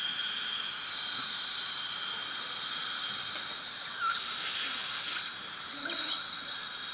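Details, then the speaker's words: Dental surgical drill with drill extender, steady high hiss and whine rising briefly, during immediate implant placement after extracting decayed teeth #12 and #14, broken at gum line; preparing #12 site for 2.5x15 mm mini implant. "you'll notice I'm using the drill extender turn toward me real big [Music] all right use five ejector please"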